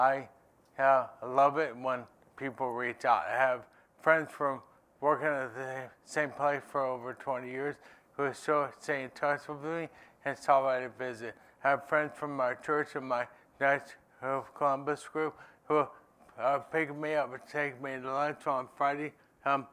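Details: Man living with ALS who says his speech isn't great. Dysarthria (ALS).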